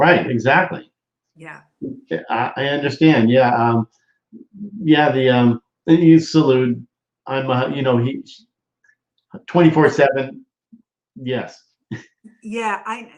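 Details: Adult woman with aphasia after a stroke from a brain AVM about three to four years earlier, still in speech therapy: aphasia.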